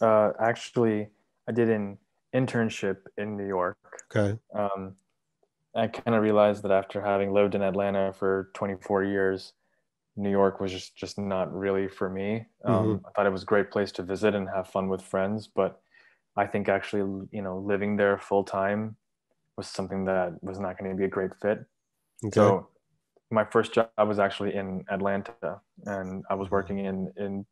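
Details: 23-year-old man, bilingual English and Urdu, with stuttering since about age three, now describing himself as having overcome it; hesitations in speech; stuttering.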